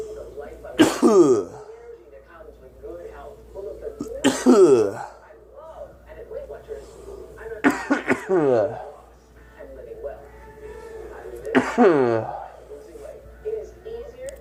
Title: coughing 2